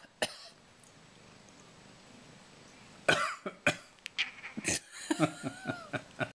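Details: Voluntary cough: several short, dry adult coughs done on purpose to show a pet cat reacting, with quiet room noise and a brief tonal sound near the end.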